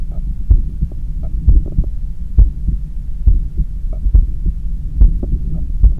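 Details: Strong, regular low heart thumps, about 70 a minute, with a low hum, recorded at the neck with a visible neck pulse while cooling down after a 10 km run; normal heart sounds recovering after exercise.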